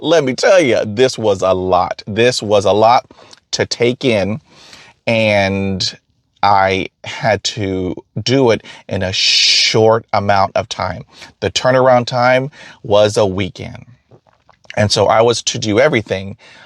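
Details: Stuttering in an adult man who stutters.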